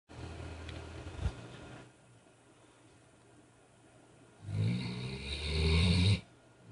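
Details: Harvey snoring: low rumbling, rattling breath sounds, loudest on one drawn-out breath; snoring.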